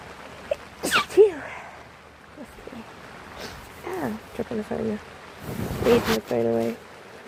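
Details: An adult who is sick with sneezing, possibly from allergies, gives a sharp, explosive sneeze, brief voiced sounds, then another noisy burst, with rain sounds in the background.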